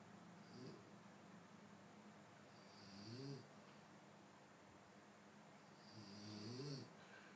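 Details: Snoring with no added effects: low, rattling snores on each breath in, about 18 per minute, with quiet breathing between; ordinary snoring in sleep.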